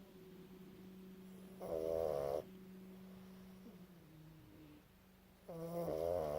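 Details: Loud vibrating snores from a sleeping pug, a flat-faced dog breed, over a steady background hum; snoring.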